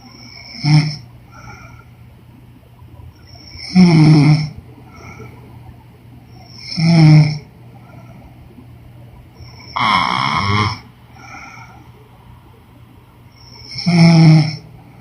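Five loud rattling snores about every three seconds, roughly 20 a minute, with quiet breathing between: ordinary snoring.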